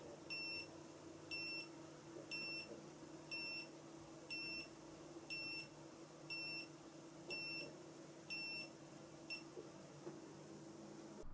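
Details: Steady, high-pitched electronic beeps about once a second over faint room hum from a Checkme BP2W blood pressure monitor during a 30-second palm-to-palm home ECG recording.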